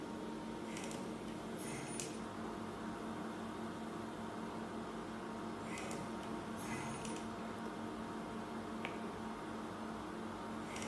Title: icu ventilator